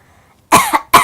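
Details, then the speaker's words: Deliberate, voluntary demonstration of a sarcastic ("nyinyir") cough, shown as an example of a cough type rather than illness. "Yang kedua, batuk nyinyir. Ini yang harus kamu peka banget nih. Karena kalau misalnya ada orang tiba-tiba yang batuk nyinyir, wah ada yang salah nih antara kamu sama dia."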